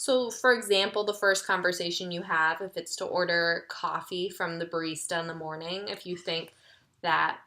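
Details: Adult female speaker; Normal speech.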